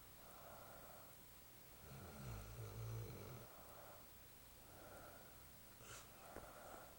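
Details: Snoring: low, rough snoring sounds with breaths over steady room noise.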